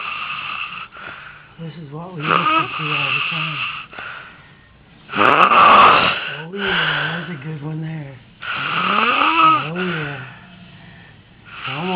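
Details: Adult daughter, herself a mother, asleep; loud, long, rough goose-like snores with whistling, wavering tones, about three in twelve seconds, milder than usual; heavy snoring.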